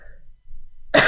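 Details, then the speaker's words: A young woman on a live stream, who says coughing stops her singing and that she had mycoplasma before, gives one abrupt, loud cough in a quiet room. "I can't sing because I cough. That's why I shouldn't have been to the concert yesterday, because yeah, concert is in Ullevi, yeah."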